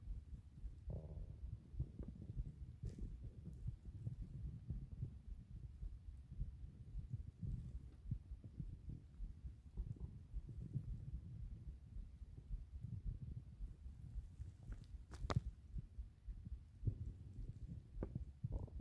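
Quiet, low, irregular gurgling and rumbling with a few louder squelches, typical of ordinary stomach growling.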